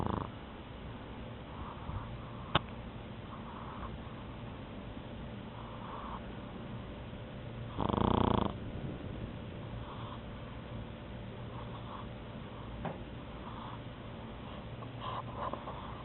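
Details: Soft snuffling breaths with one loud snorting snore over steady room hum, from a pug taking a nap, snoring while asleep.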